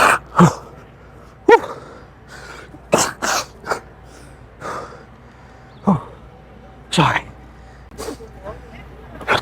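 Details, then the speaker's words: Man with spring seasonal allergies sneezes repeatedly: a run of sharp, explosive bursts, about eight in nine seconds, sounding like repeated sneezes rather than coughs. "Yeah, man. It's just It's just allergies. Allergy season is really bad."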